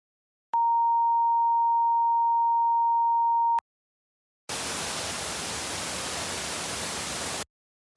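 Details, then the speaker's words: Simulated tinnitus in a noise-safety presentation: a steady high-pitched tone for about three seconds, then hissing noise. "is when you hear sounds that others do not. These sounds are, in a way, invented by our brains and come in an infinite variety."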